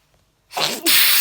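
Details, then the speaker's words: A person who says they feel a sneeze coming gives a single sharp sneeze: a quick intake of breath, then a loud hissing burst of air. "okay i can feel sneeze coming"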